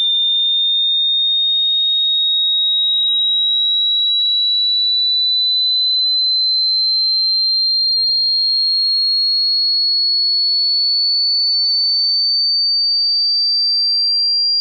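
A steady pure high-pitched tone rising slowly in pitch: a simulated hearing test sweep.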